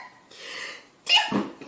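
A brief breathy intake followed by a sharp explosive burst, a single sneeze.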